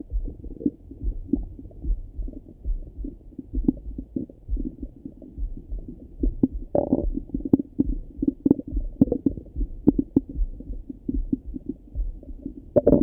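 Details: Morning stomach rumbling through a stethoscope: frequent low gurgles and rumbles with brief louder bubbling bursts; active bowel sounds (borborygmi).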